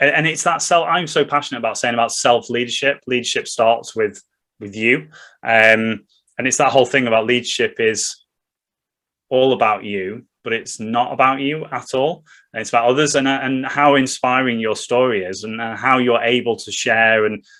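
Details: Adult man speaking; Normal conversational speech.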